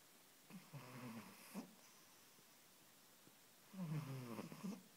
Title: Noisy snoring cat